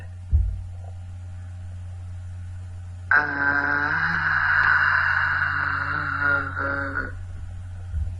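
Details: Sustained vowel from a speaker with dysphonia, shown with an acoustic graph whose trace is partly lost; dysphonic voice.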